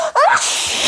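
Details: Someone with bad allergies acts out a sneezing fit: one staged sneeze, a quick rising voiced 'ah' onto a loud breathy burst, with music in the background.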